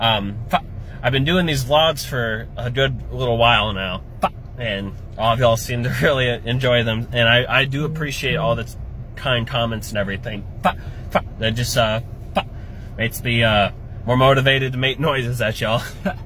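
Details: Adult stand-up comedian with Tourette syndrome, speaking in a vlog; vocal tics (Tourette syndrome).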